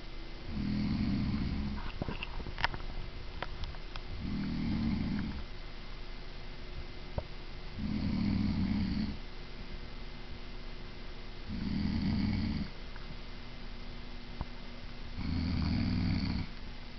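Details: Adult woman (mother) snoring loudly in her sleep, said to be quieter than usual: loud, regular snores on each in-breath, about 15 a minute, with quieter breathing out in a quiet room.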